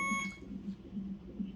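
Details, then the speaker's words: A short electronic beep, then a softer repeating low tone: a monitoring machine alarm in a quiet triage room for a 38-week pregnant woman with nausea and vomiting, her third labor and delivery visit this pregnancy. "This machine, y'all. The first time it was beeping for like literally 10 minutes because the battery was low and she had to plug it in."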